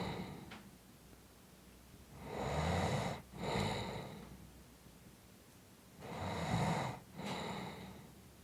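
Loud, rough snoring on each breath, with snorting breaks between phases, about 16 breaths a minute.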